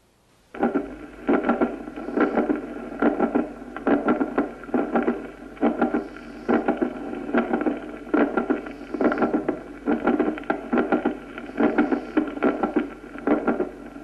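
Regular heart sounds at about 71 beats a minute, with a sharp extra click in mid to late systole: a mid-late systolic click.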